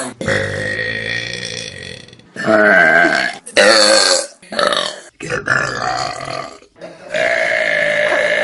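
Several loud, drawn-out, throaty burps, one after another, with brief pauses between. Belching.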